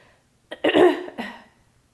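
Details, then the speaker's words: Woman on day one after pelvic laparoscopy and hysteroscopy demonstrating supported throat clearing, leaning forward with forearm support and using abdominals: two short, forceful throat clears in quick succession. "to clear your throat similarly lean forward now i am having to use abdominals there to create that pressure to help clear my throat"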